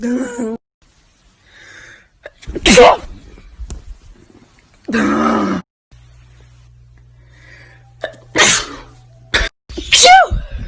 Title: Iconic Sneezes of All Time by One Person